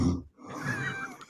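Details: Recording of a man snoring while deeply asleep, played back on a speaker; he is said to have trouble sleeping.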